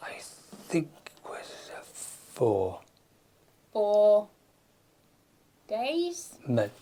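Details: Man with aphasia after a stroke, speaking in a conversation where his partner is not using supportive communication strategies; aphasia.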